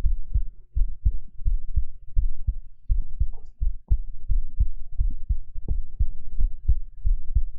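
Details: Soft, low, regular thumping heartbeat at about 86 beats a minute, recorded on a 3Dio binaural microphone during a live girlfriend-experience ASMR stream with kisses; heartbeat.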